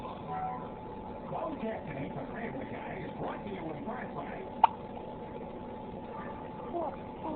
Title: Looked pouty while she had the hiccups.